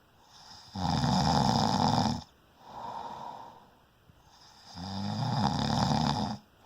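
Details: Person snoring: loud, rough, rattling snores on each breath in, with a softer noisy breath out between them.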